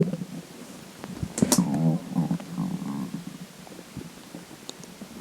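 Watery bubbling gurgle lasting about two seconds over room noise; stomach gurgling from moving gas and fluid.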